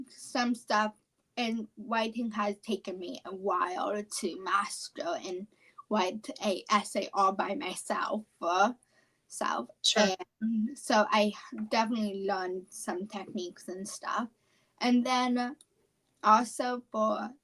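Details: 17-year-old female high school senior with apraxia of speech, which she describes as a neurological speech disorder.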